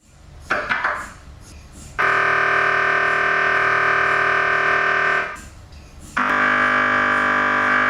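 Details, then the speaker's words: MRI scanner heard during a scan: loud sustained buzzing and whirring tones in long blocks separated by brief quieter knocks and banging, gradient-magnet noise: MRI scanner noise. "obviously they're so loud and there was such a variety of sounds that I thought what what is actually going on and why is it so loud but it's just it's a byproduct of the heavy machinery and the power of the magnets that that it uses"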